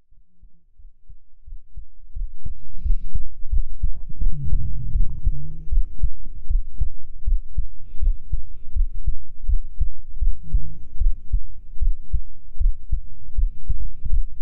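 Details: Binaural ASMR heartbeat for sleep, a boyfriend-chest roleplay: steady, soft low thumps of a resting heartbeat with faint rustling and kiss-like sounds between: normal heartbeat.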